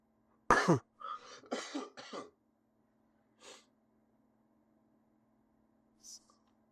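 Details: A sharp cough, then a short run of softer coughs or throat clearing and quiet breaths in a small room, from an adult narrating a solo tabletop game; cough.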